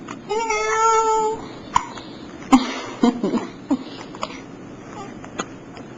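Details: Baby on mother's lap, just awake: a brief voiced sound, then six short, sharp hiccups at uneven intervals over about four seconds, low room noise; hiccups.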